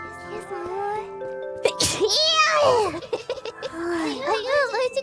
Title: Sneezes 342-347